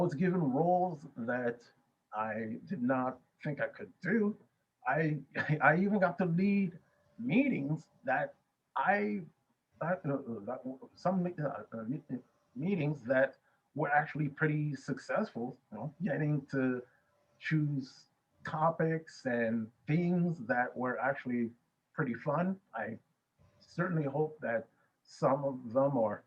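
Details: Adult male Toastmasters member who says he has a stutter and a speech impediment, and that Toastmasters helped him communicate more effectively; stuttering.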